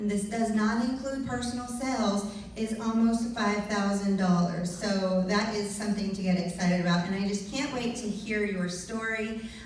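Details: Adult woman speaking; normal voice.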